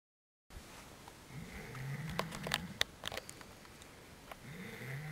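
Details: Low, rumbling snores on the in-breath from a sleeping person, with soft clicks and room noise between breaths.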